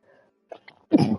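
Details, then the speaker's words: Sick streamer, voice affected by dry air from home air filters, gives a few faint catching breaths, then one sharp, forceful sneeze while playing a video game with quiet game music behind. "for now that sounds good i'm gonna sneeze"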